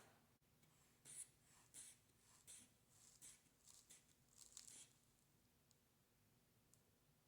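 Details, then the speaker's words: Manual blood pressure assessment with a hand-bulb sphygmomanometer and stethoscope on a patient: soft rhythmic hissing squeezes inflating the cuff, then quiet steady release; the reading was 108/68, normal. "So I'll put my earpieces in and I will start to inflate the"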